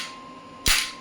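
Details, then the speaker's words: Electromagnetic clinical shockwave therapy device applied to the operator's own hand, a small joint, at 1 Hz while energy is raised from 5 toward 45–55 mJ; a single sharp crack over a faint tone; one shockwave shot. "देख सकते हैं मैं हाथ पे ले रहा हूँ, मैंने इंटेंसिटी को बढ़ाया 15 जूल, 10 के मल्टीपल में बढ़ेगी 25, 35, काफ़ी अच्छी इंटेंसिटी आ रही है मेरे को 45।"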